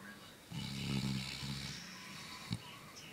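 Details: Snoring in a sleeping 8-month-old black Labrador: a single rough, rattling breath with a snort-like click after it.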